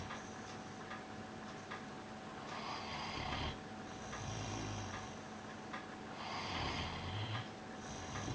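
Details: Snoozing on his bed, recorded May 2013: slow, regular, low rumbling breaths, roughly one every four seconds, over a faint steady hum; loud snoring.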